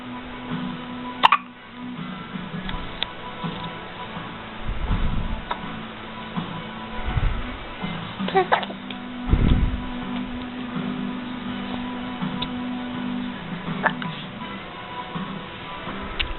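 A few brief, sharp hiccup sounds over steady background music; ordinary hiccups.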